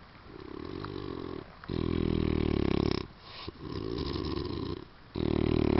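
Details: Man snoring loudly after a long drive and after drinking alcohol: loud, buzzing snores on long breaths with short quiet gaps; heavy snoring.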